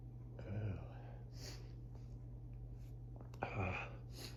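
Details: Allergic morning sneezing fit around 6am during high grass pollen season: two forceful, wet sneezes a few seconds apart in a rapid-fire fit that started soft and grew stronger and wetter.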